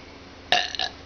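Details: A single short, loud, voiced burp lasting under half a second against a quiet room background, from a woman who had been drinking; burping.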